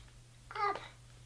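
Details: Young girl with cri du chat syndrome vocalizing when prompted to show a word, in a syndrome where the parent says speech ranges from short sentences to none: limited expressive language (cri du chat syndrome)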